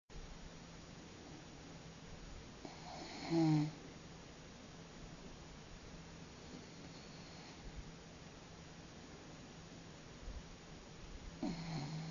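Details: Big Friendly, an 18 lb male cat born March 2001, asleep in someone's lap: a few soft, rattling snores, one clearly louder, between quiet breaths.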